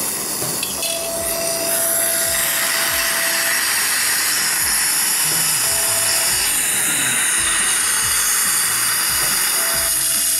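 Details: Continuous high grinding whir with a faint steady tone from an elongated implant driver seating an implant through a surgical guide, guided flapless All-on-4 on a maxilla model, angulated implants, 15 mm length: dental implant insertion.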